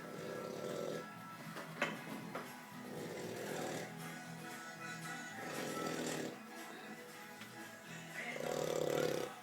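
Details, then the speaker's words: Sleeping 4-month-old Old English Bulldog puppy at home snoring loudly, regular rasping snores over about four breaths with background music. "No. He's snoring loud. He woke up. He woke himself up."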